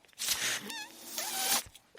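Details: Speaker's own mechanical ventilator heard while they talk on a podcast: two loud hissing bursts of airflow about a second apart, with a brief whistling tone between them, the ventilator's working cycles.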